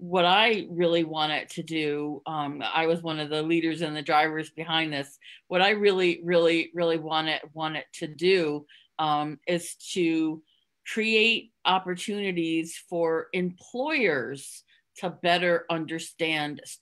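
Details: Stuttering in an adult woman who stutters, speaking openly in a podcast interview; she concealed her stuttering through avoidance for close to 30 years before embracing it.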